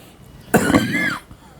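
A single harsh cough burst blending into a throat clear from an adult, over quiet room noise.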